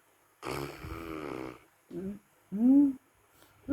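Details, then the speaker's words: Dog snoring very loudly while asleep: one long, rattling, rough breath, then shorter honking snores; snoring. "Precious. You snore so loud. Lakas mo humilik."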